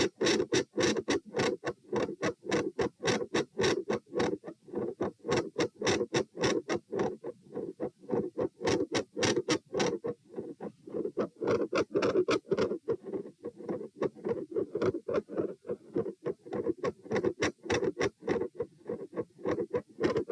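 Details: Heart sounds at position P during a lie-sit-stand-lie stress test (72, 96, 108, 72 bpm). Loud, quick, regular beats near 100 a minute in an upright position, with a split second heart sound; very quiet when supine.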